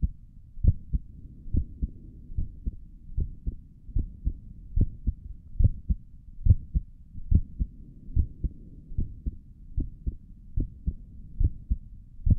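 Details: Own heartbeat recorded through a stethoscope on the chest for relaxing ASMR: steady paired low thumps at about 70 beats a minute; stomach gurgles occur in the recording; normal heart sounds.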